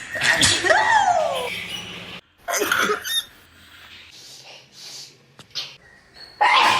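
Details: Acted, comedic sneezing by people: a series of varied, exaggerated, loud and sharp sneezes performed as different types of sneezes.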